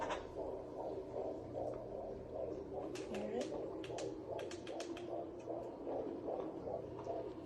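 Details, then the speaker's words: Fetal heartbeat on home Doppler, found after about 10 minutes: rapid whooshing galloping pulses, roughly 150 a minute, with some static; mother in pregnancy after a stillbirth, feeling kicks. "i finally found him and it was just this this rush of emotion to hear that little that little galloping heartbeat so i'll insert a clip of that right now"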